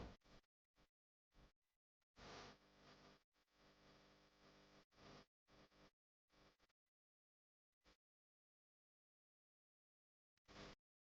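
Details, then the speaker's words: Loud, rattling snoring in irregular bursts, then about two and a half seconds of silence before another snore, illustrating obstructive sleep apnea; snoring with a possible pause in breathing. "តើដៃគូដេករបស់អ្នកតែងតែតូចតពីការស្រមខ្លាំងរបស់អ្នកដែរឬទេ"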